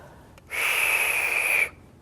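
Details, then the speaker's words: Capsule dry-powder inhaler demonstrated at COPD and adult asthma seminar: capsule pierced by side squeeze, breathe out, then steady high whistling rush about a second as air is drawn through; correct inhalation. "so this one it's got nice little on the side squeeze it in puts holes in the capsule breathe out"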